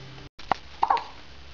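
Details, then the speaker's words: Infant boy, awake and content, who often gets hiccups: a single sharp, brief hiccup, then a short soft vocal sound, in a quiet room. "unfortunately our little guy has the hiccups he gets them very often he probably gets them every time we change or feed him"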